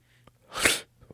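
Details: A single loud, explosive sneeze with a short breath in before it, from a person with a plugged-up nose and phlegm in the throat.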